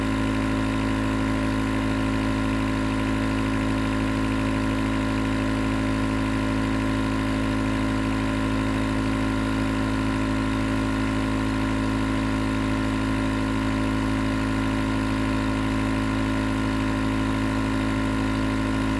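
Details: A steady, unbroken motor hum with a low droning tone and a faint hiss, unchanged throughout: a nebulizer compressor running continuously, recorded as white noise for sleep.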